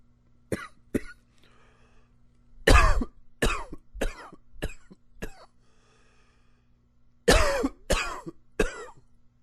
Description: It's a good coughing day :)